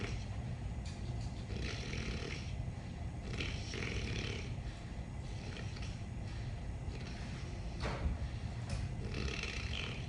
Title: Most funny snoring video ever!!!